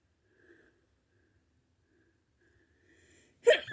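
Faint breathy sounds, then one sudden loud burst at the end, a single sneeze.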